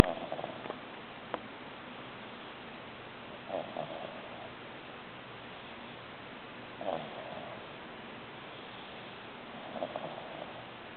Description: 3 month old Ori-pei snoring.